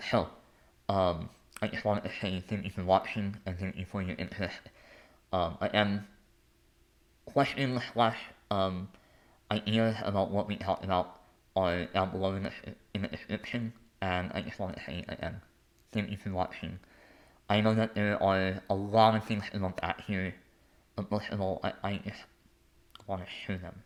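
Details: Adult male artist, composer and conductor with a lifelong speech impediment affecting the mechanical production of words, noticeable as soon as he speaks; speech impediment (articulation impairment).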